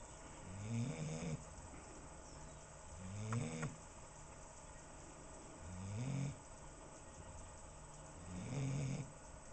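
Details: 8-month-old female bloodhound with a snoring problem, loud enough to hear from indoors with windows closed: slow, regular rattling snores in sleep, about four in ten seconds, over a steady background hum.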